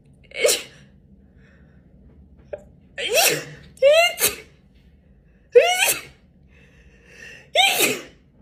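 Series of about five sneezes, several preceded by sharp gasping in-breaths; repeated sneezing.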